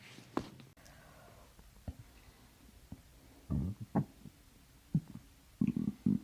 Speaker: Oh, why is my stomach making those noises? Mm-hmm. That was mean. Stomach's growling.